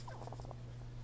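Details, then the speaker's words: Rooster with congested breathing from a suspected respiratory cold: a quick run of rattly, bubbling clucks. Antibiotic and isolation are planned. "sounds like he has a little do you have some water in there so chickens can get colds just like people so i'm going to probably put him on a little antibiotic and move him to his own little spot"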